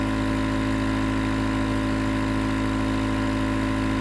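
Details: A nebulizer compressor runs with a loud, steady motor hum and rapid regular pulsing, about 200 a minute; recorded as white noise for sleep and relaxation.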